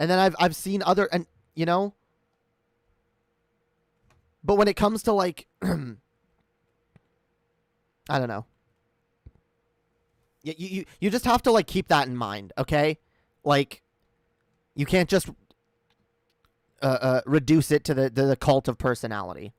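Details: Real, self-acknowledged stuttering in a male streamer during a live stream; word and phrase repetitions.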